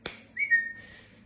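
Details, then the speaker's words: Person with Tourette syndrome, a chronic whistler, ticking a lot after holding tics in for a while: a click, then a short abrupt whistle falling slightly in pitch; involuntary whistling vocal tic. "'m having I'm having a lot of ticks right now. Um, and I think it's because I've been holding them in for a couple not a couple hours, but like for a little while because I was visiting my grandma."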